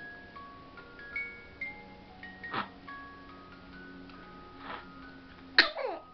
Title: Adorable baby sneezing